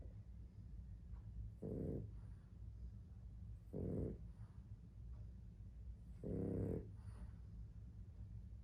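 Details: Pet dog sleeping: three low, rough snorts at irregular intervals over steady room hum; dog snoring.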